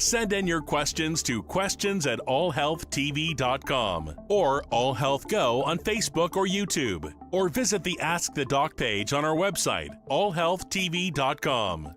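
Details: Adult announcer; normal voice.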